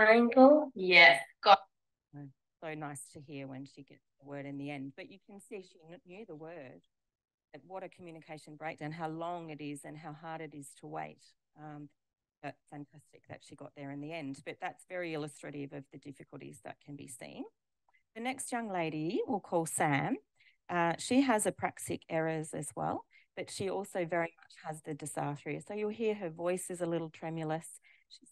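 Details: Adult woman speaking; normal speech.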